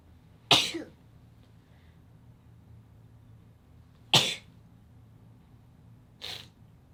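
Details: Three sharp sneezes from a cat, separated by a few seconds of quiet; sneezing.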